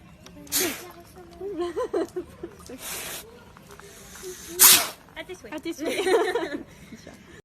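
Several sharp hissing bursts, one loud explosive burst near the middle, with voice sounds between them: sneezes.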